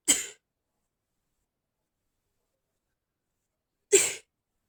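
Two short, hissing bursts about four seconds apart, quick and clipped like held-back sneezes; stifled sneezing.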